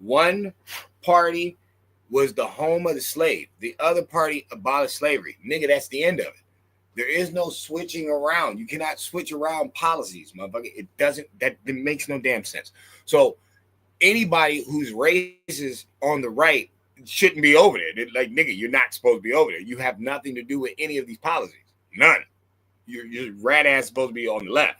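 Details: Adult man speaking; normal voice.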